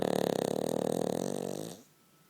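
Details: A Cavalier dog sleeping comfortably between its owner's legs snores with a rough, rattling, buzzing breath that fades after about two seconds.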